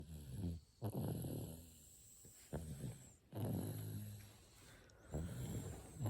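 Low rumbling snores on each breath, uneven in timing and strength. Snoring during sleep.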